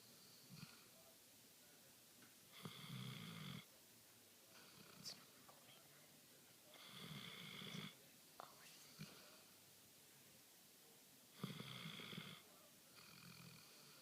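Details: Female dog asleep on the couch: rough, rattling snore bursts on each in-breath, quieter out-breaths between, about every four to five seconds; snoring.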